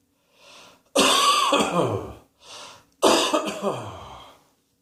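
Two bursts of harsh, wet-sounding coughing, each a quick run of coughs after a short breath in; a repeated cough.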